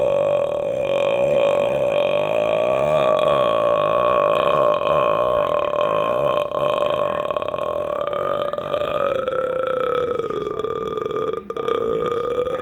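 One very long, loud, continuous voiced belch lasting over twelve seconds, its pitch sliding slowly; a sustained eructation.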